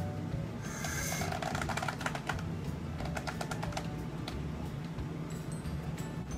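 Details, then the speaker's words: Pleural friction rub: grating, creaking bursts over breath sounds in inspiration and expiration, like leather rubbing together, from inflamed pleura (pleuritis or pleural effusion) rubbing with breathing; easily mistaken for crackles. "this sound is often described as leather rubbing together it can often be overlooked and thought to be crackles"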